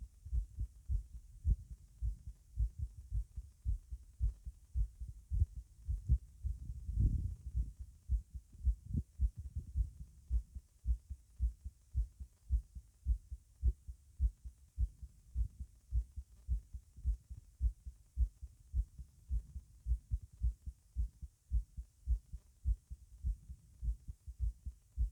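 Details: Rapid, forceful heartbeat recorded while standing, at the tricuspid area at the lower left breastbone: fast, strong, regular heart thumps at about 107 beats a minute.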